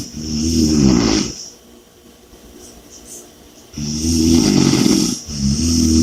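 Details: Loud, rough, vibrating snores on each breath in, separated by quieter breaths out; heavy snoring breathing.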